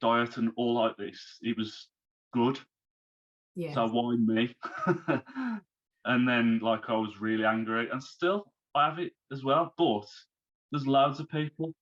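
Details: Man who had a stroke at age 33, about three months earlier, and is recovering while still overcoming speech difficulties; post-stroke aphasia.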